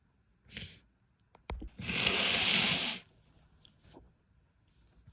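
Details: A female from a compilation of sneezes, stifles and nose blows: a few short catching breaths, then one loud hissing sneeze lasting about a second; an ordinary sneeze.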